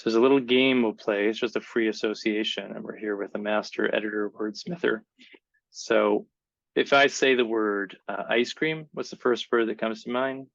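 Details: Adult male speaker; typical speech.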